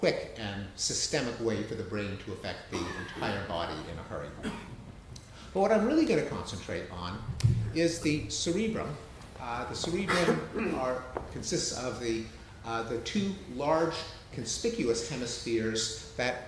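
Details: Adult man speaking; normal speech.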